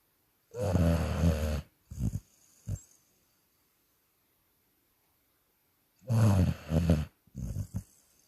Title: Wolf ( the Dog)snoring 😴